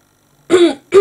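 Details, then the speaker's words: A single short, voiced throat clear from an adult with a husky voice, with the start of a second at the end. "I am so sorry about my voice, folks. ASMR video, I'm going to cough and splutter and sound like a husky dog."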